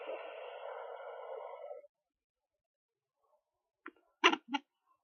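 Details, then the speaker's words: Sonoline B fetal Doppler at 13.2 weeks pregnant: static, then silence and a few brief knocking bursts from the baby moving, before movements are felt by the mother. "look I don't know if you just heard that sound right there if you just heard that sound it was like a I don't know I don't know how to describe it but that's the baby moving"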